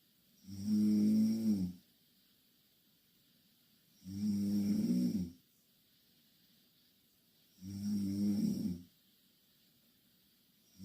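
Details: Two Korean girls snoring loudly in the same bed: loud, regular vibrating snores on each in-breath, about 17 breaths a minute, quiet pauses between.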